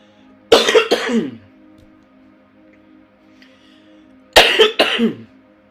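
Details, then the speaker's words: Two paired bursts of adult coughing separated by a pause over soft music; speaker apologizes, recovering from a cold caught from the girls, while also undergoing preemptive chemotherapy after tumor removal. "sorry about that coughing I am recovering from the last coties I got from the girls"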